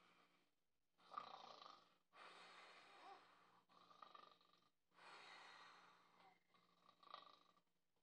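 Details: Mother pretending to sleep and snoring, simulated, to see her five-month-old baby's reaction: soft, breathy, uneven light snoring breaths in a quiet room.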